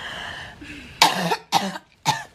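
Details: Three sharp, harsh coughs in quick succession after a brief throat sound, from a young woman.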